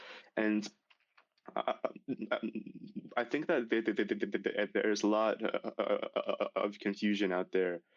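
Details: Male high school senior who has stuttered severely since age 10, in speech therapy for six years, speaking about oral presentations; stuttering.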